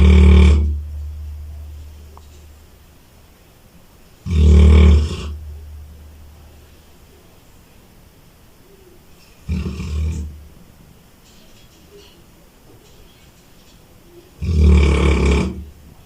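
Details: Sleeping dog, a very loud snorer especially when tired, asleep after a long muddy walk and a bath: four loud, low, rumbling snores about every five seconds, each fading slowly; heavy snoring.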